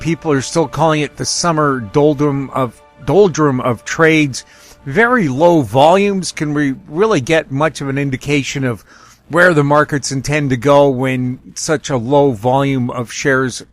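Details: Adult male speaker; normal voice.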